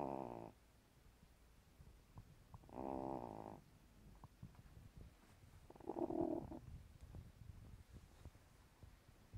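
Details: Elderly cat over 15 years old, asleep: three rattling, buzzing breath sounds a few seconds apart over quiet background; snoring.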